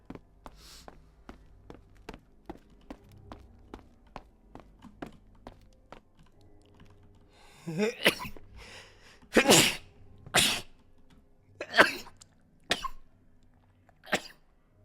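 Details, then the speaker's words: Male streamer during a live stream, sneezing he attributes to allergies: faint rapid clicking, then a run of about six sharp, explosive sneezes in quick succession. "No, I got allergies. I was sneezing."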